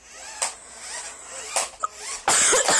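A few sharp, harsh bursts over a quiet room, the last loud and prolonged; ordinary coughing.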